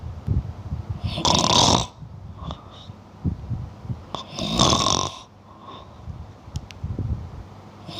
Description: Ini adalah suara ngorok, bagi yang mau menggunakannya kembali saya persilakan.